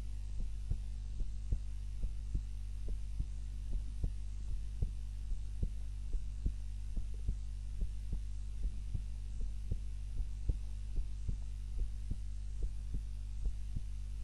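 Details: Heart sounds recorded on a timer during a nap, lying on the back rather than the usual face-down position; soft regular heartbeats at about 72 a minute over a steady low hum, a normal resting rhythm.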